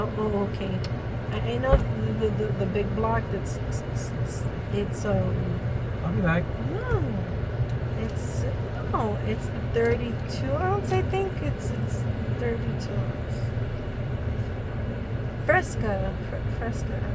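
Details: Woman with Tourette syndrome during a tic attack while running errands with her husband, repeating words and interjections mid-story; she reports trouble speaking. Tourette syndrome vocal tics.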